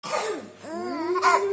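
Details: Single short cough, followed by a child's voiced laughing sounds in a small room.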